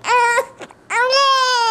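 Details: Infant with hiccups after finishing his bottle starts crying: two loud, high-pitched wails with a brief catch between them.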